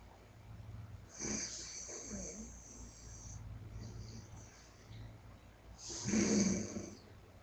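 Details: A young boy snoring while asleep on a chair, possibly during a bad dream.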